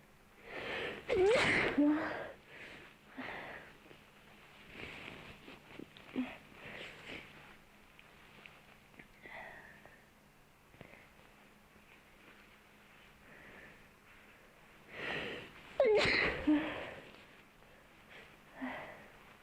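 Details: ASMR recording during nose cleaning causing repeated sneezing: two sudden sneezes far apart, with sniffing and snuffling between them.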